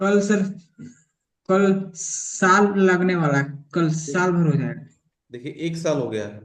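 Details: Adult male with stammering, with remaining blocks on vowel-initial words; stuttering.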